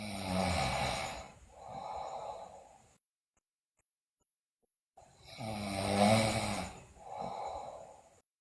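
Loud rattling snore on the breath in, then a softer hiss on the breath out, repeating; loud snoring in a sleeping child.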